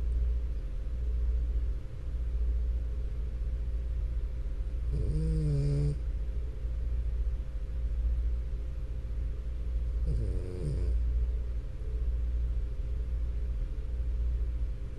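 Two low, rattling, tonal snores about five seconds apart over steady low hum; snoring from a short-nosed dog's narrowed upper airway.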